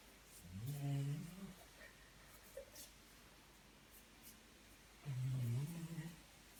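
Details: A dog, Bill, asleep at bedtime, giving two low, rumbling, throaty snorts several seconds apart over background noise; snoring.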